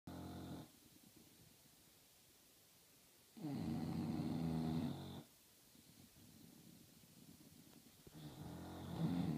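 Loud, rattling, low-pitched snores recurring with quiet pauses between breaths, from a sleeping dog.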